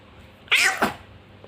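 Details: Baby boy sneezing: a single high-pitched infant sneeze, a short squeaky intake followed by a sharp burst of air.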